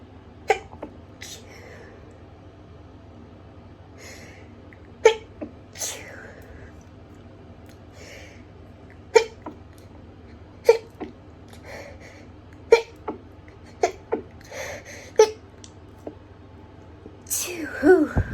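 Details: Hayfever sneezing fit recorded in a bathroom, about seven sharp sneezes with quick indrawn breaths between, brought on by grass being cut outside the house.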